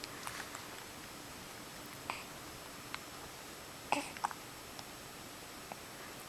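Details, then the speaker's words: Soft, brief clicking hiccups from a drooling infant, several over a few seconds in a quiet room: infant hiccups. "oh hiccups oh poor thingy of the hiccups"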